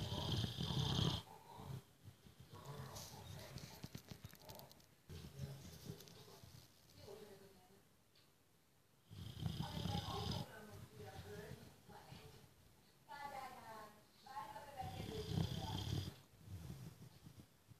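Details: Low rumbling, snorting snores from a sleeping boxer dog that snores every day, irregular and interrupted by quieter gaps and some room noise.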